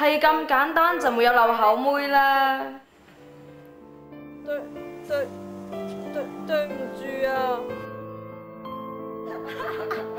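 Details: Acted (drama) stuttering since birth in a female student, with sound and word repetitions.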